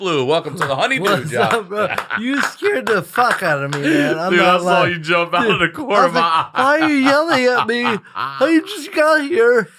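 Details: Adult male with cerebral palsy present from birth, attributed to brain injury or lack of oxygen at birth after an emergency C-section; dysarthria (cerebral palsy).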